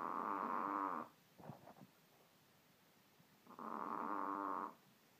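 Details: Mini Pomeranian dog snoring very loudly during sleep: loud, rattling, buzzing inhalations about a second long, separated by quiet pauses.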